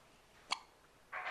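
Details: 11-week-old baby with hiccups while pooping: a single sharp, brief hiccup sound, then a short noise at the end.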